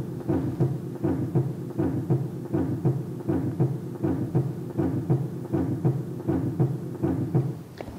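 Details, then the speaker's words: Normal lub-dub heart sounds on a training model, heard by stethoscope at the apex (left fifth intercostal space, midclavicular line, just below the nipple), regular at about 80 beats a minute during an apical pulse count; each lub-dub is one heartbeat. "heart rate will he as love du sound each one love du count as one heartbeat"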